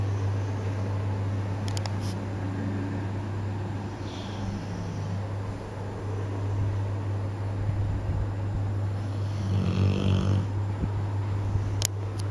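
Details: Female Bullmastiff puppy, 10 months old, snoring while asleep: soft, low snoring breaths under a constant loud hum, with one clearer snore near the end.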